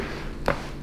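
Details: A single sharp crack from the neck during a manual chiropractic adjustment with the patient lying face up, a joint cavitation release over quiet room noise; patient then says his neck feels loose.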